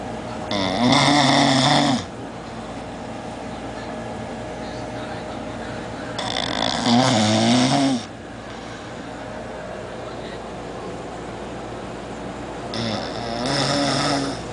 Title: roncando